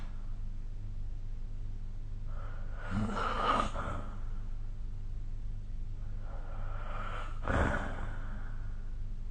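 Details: Snoring during sleep recorded with the SnoreLab app: two slow, breathy snoring breaths with a rough rattle, about four seconds apart, over steady room hum.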